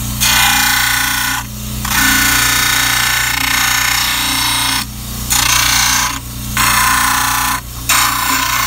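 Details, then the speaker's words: Loud, steady grinding hiss over motor hum, in bursts with brief pauses: a model trimmer flattening the base of a stone dental cast, pressed evenly on the table, before pindexing. "set it on the table push evenly on both sides and I want the base of the calf to be parallel to the approval purpose and we'd have the grind would be a base of perfectly flat"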